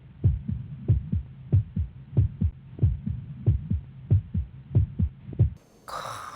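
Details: Older woman lying down: steady, regular heartbeat heard through a stethoscope at about 94 beats a minute, a normal rhythm.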